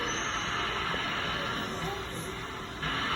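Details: Cough assist machine (mechanical insufflation-exsufflation) used on a child: steady rushing airflow hiss with a sharp shift as the pressure phase changes.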